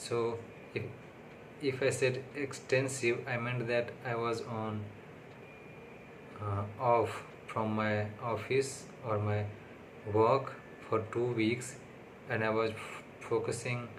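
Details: Adult man with self-reported stammering/stuttering, on day six of speech therapy, speaking unscripted English, not his primary language but his most fluent; stuttering.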